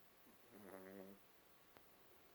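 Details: A single soft, rumbling snore from a sleeping pet over quiet room hiss.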